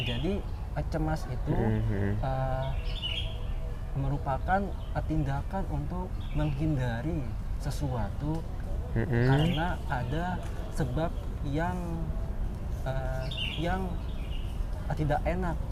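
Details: Adult man, newly graduated doctor from Aceh, who has stuttered since childhood, speaking Indonesian; stuttering.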